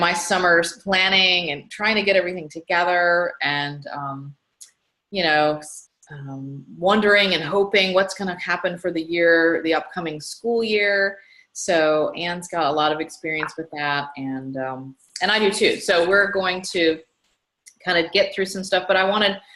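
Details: Adult woman speaking; ordinary speech.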